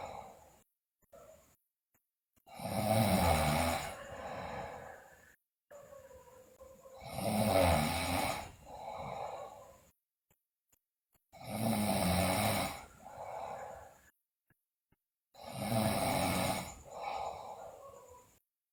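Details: Sleeping girl snoring loudly, with bruxism and delirium reported: loud, rough snores on each breath in, about 14 a minute, with a softer sound on each breath out.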